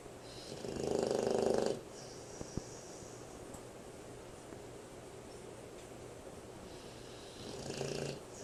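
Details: American Bulldog snoring loudly while asleep; a loud rattling snore on inspiration, a quiet pause, then a softer snore starting.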